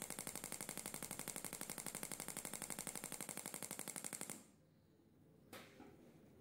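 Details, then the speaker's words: Shockmaster 300 Gymna radial shockwave handpiece, 20 mm head, 1.6 bar, 10–12 Hz, about 4,000 shocks in 200-shock intervals, gel, grade 2 cellulite: rapid, very regular clicking pulses, about four a second, then stopping. "1.6 bar 12 Hertz 10 Hertz for about 4,000 shocks in this case doing the shocks at 200 shock intervals does seem to be effective actually for shock for cellulite the shock wave does seem to break down the divisions underneath the skin"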